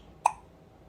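A single short, sharp hiccup from a baby in a quiet room; infant hiccups are usually harmless.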